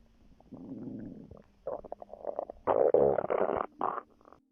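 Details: Abdominal sounds from a pregnant woman, recorded while relaxing before contractions began: rumbling, gurgling growls in bursts over a few seconds; ordinary stomach growling, bowel sounds.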